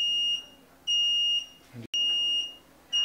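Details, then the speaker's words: Home-care bed-exit alarm: the receiver blinks red and sounds loud, high-pitched electronic beeps about once a second once mattress sensors are fully unloaded, meaning nobody is in the bed. "wenn die Sensoren komplett entlastet sind sich also niemand mehr im Bett befindet schaltet sich der akustische und visuelle Alarm ein der Navi grob blinkt rot und gibt einen Alarmton aus"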